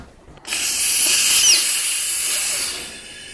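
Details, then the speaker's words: Dental air/water syringe that drips water: sudden loud hiss of escaping air lasting about 2.5 seconds, then fading, as the syringe is loosened to release pressure before repair. "Okay, so we're gonna turn this guy off. Great. And then, is there no water in there? Oh. I'm just loosening this so that it won't spray everywhere."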